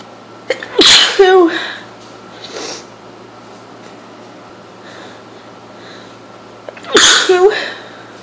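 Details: Sneezing fit with a cold: two loud, forceful sneezes several seconds apart, each with a quick inhaled lead-in.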